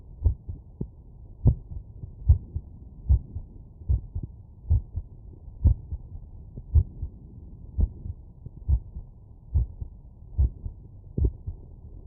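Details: Stethoscope auscultation after physical exertion: steady, deep heartbeats at about 70 beats per minute.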